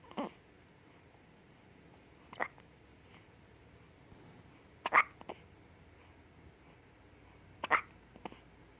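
Short sharp hiccup sounds repeat every two to three seconds, about 22 a minute, in a quiet room; ordinary hiccups.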